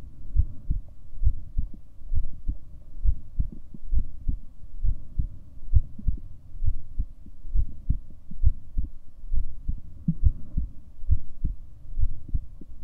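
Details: Recording of the person's own heartbeat: steady, low thumping beats at about 67 per minute with a faint background hum.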